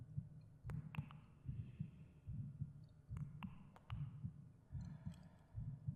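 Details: Narrator's own heartbeat in a binaural ASMR meditation recording: steady, regular low double thumps at about 75 beats a minute, with faint clicks and rustling; normal heartbeat.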